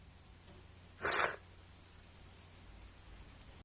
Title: SNEEZES AGAIN ❣️